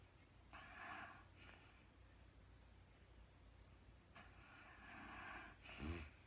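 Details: Real-time recording of a woman snoring during sleep, no talking: quiet, airy breaths with faint snoring and a short snort near the end, low against room hiss; light sleep snoring.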